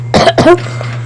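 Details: A child who says they are sick coughs twice, quickly and loudly, over a steady background hum while playing Roblox: cough.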